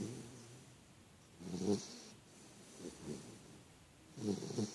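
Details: Big snore: soft, rough snoring sounds recur with each breath, separated by quiet pauses.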